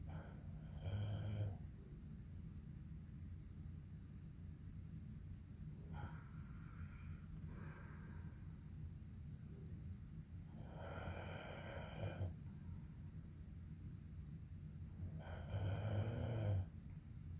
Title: Unbearable snoring by my hubby! ugh!! Thank y'all for listening to this~